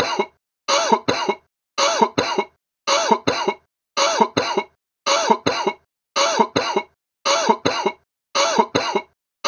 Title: Sick cough sound effect